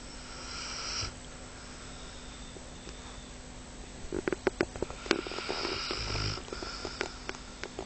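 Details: Bull Arab dog snoring.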